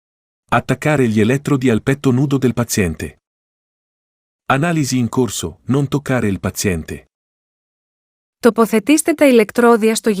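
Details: Defi5s Extra AED with ECG display giving recorded synthetic voice prompts in a foreign language, separated by pauses; AED voice prompts.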